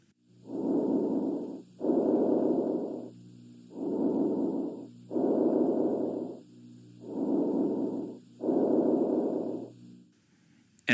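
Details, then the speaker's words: Three soft, even breath cycles, about 18 a minute, through a stethoscope during thorax and lung auscultation in a nursing health assessment; normal breath sounds. "listen at each site for at least one complete respiration depending on the area auscultated normal breath sounds vary from vesicular to bronchial"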